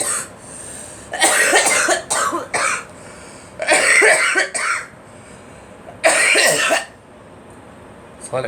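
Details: Girl coughing while adults talk nearby; someone attributes it to pollen coming in; cough.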